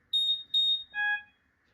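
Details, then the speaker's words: Philips EV300 portable ventilator powered on by battery with a single press of the power button: three short electronic beeps, two high then one lower, a normal power-on tone. "Simply मुझे one time press करना है button को power on off वाले और हमारा वent on हो जाएगा।"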